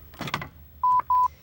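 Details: Click of the lid opening, then two steady electronic beeps as a Lifepak CR Plus automated external defibrillator switches on, in a training demonstration.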